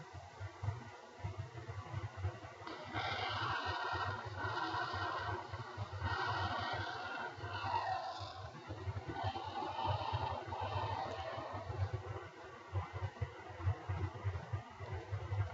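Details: Bronchial breath sounds in an internal medicine respiratory-exam teaching recording: harsh, hollow breaths with a clear pause between inspiration and the longer, prolonged expiration (ratio reversed from vesicular), over low room rumble.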